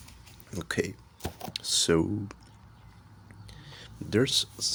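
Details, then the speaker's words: Several harsh, strained cough bursts with voiced catches, separated by quiet gaps and faint clicking; irritant coughing after smoking kief. "I'm about to rip some Kief and it's going to be brutal"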